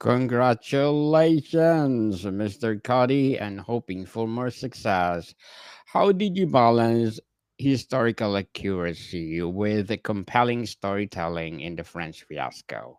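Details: Adult male speaker; normal speech.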